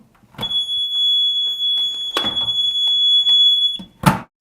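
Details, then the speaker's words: Loud steady high-pitched alarm with door and handling clatter as an AED cabinet door is pulled open to retrieve the defibrillator. "To first start grabbing an AED, you just pull open the door. Oftent times there will be a loud alarm associated with it."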